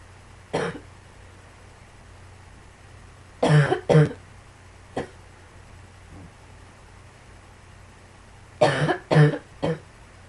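Several short cough bursts, some in pairs, over about ten seconds against a steady low room hum; repeated coughing.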